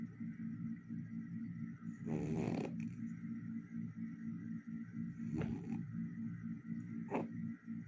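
A loud, rattling snore over a steady droning room hum, followed by a few shorter breathy noises; heavy snoring.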